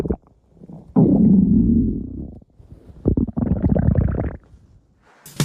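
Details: Stomach growling (borborygmi): loud, low gurgling rumbles in two long runs with brief gaps, from gas and fluid moving through the gut.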